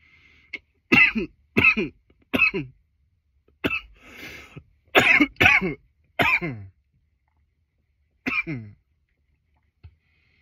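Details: From a nearly 10-minute coughing recording: about nine harsh cough bursts in ten seconds, some in quick pairs, strained breath between; persistent coughing.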